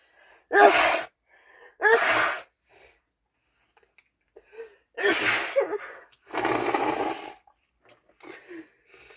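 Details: Woman with a cold sneezing: four loud explosive sneezes in quick succession with quiet breaths between; repeated sneezing.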